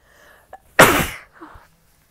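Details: Sneeze in a person with a cold: brief inhaled catch, then one loud explosive burst fading over half a second, followed by a soft sniff.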